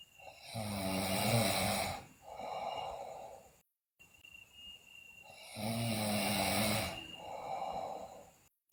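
Loud, rasping snores on each long breath in, with a softer breath out. Two full breath cycles are heard.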